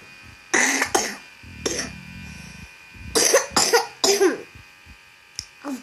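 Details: Child with cough and cold: about five short loose coughs in quick bursts, faint low room hum between them.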